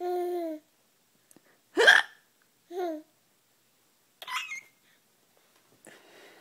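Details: Person laughing in response to someone's fake hiccups, not true hiccups: sharp, abrupt vocal catches separated by pauses, with brief voiced sounds between them.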